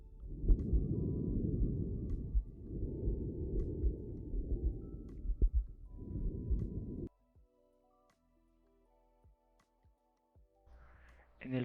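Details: Auscultation over the neck: loud, hollow airflow noise in long breathing phases, faint background music; normal tracheobronchial breath sounds.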